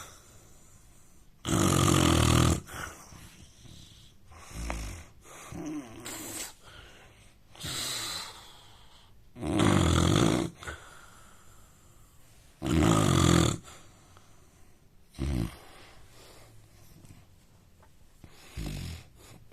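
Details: Snoring from an Indian man: loud, rattling snores in bursts at uneven intervals, with quieter breaths between them.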